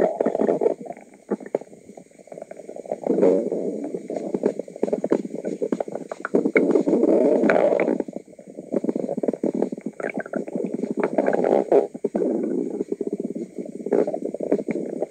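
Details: Long, low, gurgling rumbles with bubbly crackling rising and fading in waves from an adult woman's stomach; loud but normal borborygmi.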